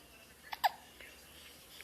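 Two quick, sharp hiccups close together in a quiet room.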